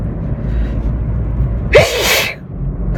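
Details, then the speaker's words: Person sneezing repeatedly while driving, with itchy nose and watering eyes; a single forceful sneeze over steady car engine and road noise. "it's like every time I sneeze we just need to sneeze more cuz I don't know why I shall be able to control this"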